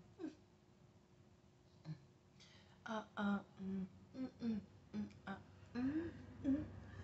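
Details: Adult woman in a tic attack, recording new tics: abrupt, irregular bursts of short grunts, hums and throat-clearing noises without words, separated by quiet gaps, simple vocal tics.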